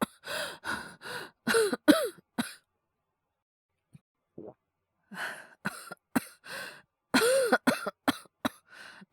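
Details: Acted, simulated coughing by a male voice performer, all performed: short voiced coughs in two clusters separated by a quiet pause with faint breaths.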